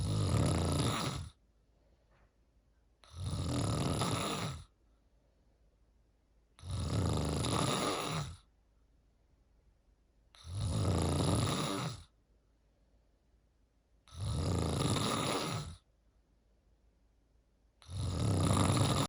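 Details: Snoring: loud, regular snores at about 17 a minute, each a harsh low rumble separated by quiet pauses.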